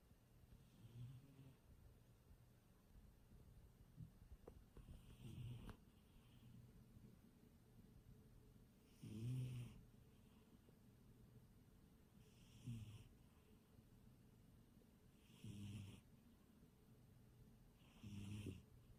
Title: Cat snoring